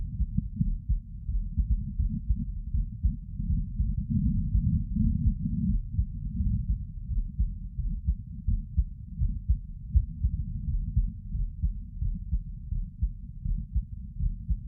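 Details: Heart sounds recorded from a seated adult: low, muffled heartbeat thumps at roughly 83 beats a minute.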